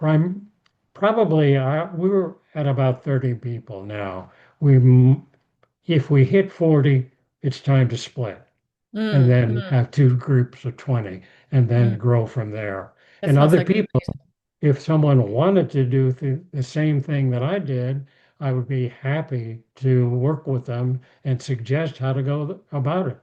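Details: Aphasia in an adult male after a stroke; speech rebuilt through therapy and daily practice.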